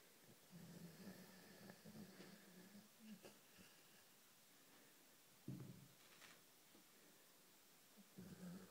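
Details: A sleeping greyhound snores: soft, low, fluttering snores with each breath and a sudden snort partway through, over quiet room noise; light snoring.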